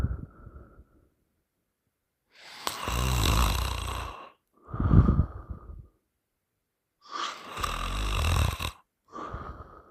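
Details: Loud, rough, rattling open-mouth snores on the in-breath with pauses between, recorded while a partner repeatedly held the sleeper's nose shut, producing unusual noises; snoring.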